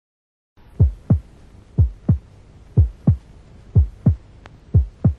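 Regular paired heart sounds at about 60 beats a minute, with a soft first sound and faint noise in systole, consistent with mitral regurgitation.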